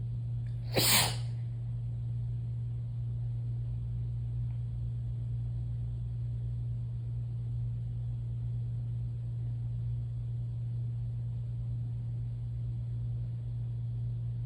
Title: Wet, explosive sneezes